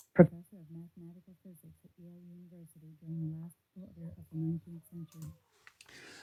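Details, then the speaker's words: Simulated bilateral moderate-to-severe sensorineural hearing loss due to otosclerosis, left ear, female voice reading a passage: much quieter than the right ear, with clarity especially impaired, needing strained concentration to follow. "so for the left side A lot quieter than the right and especially the clarity the clarity is a lot more impacted on the left than it is on the right"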